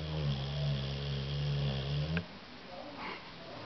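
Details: Female Cane Corso, Aisha, who snores very loudly (hard to hear in this recording): a deep, steady, low rumbling snore lasting about two seconds, then quiet room noise.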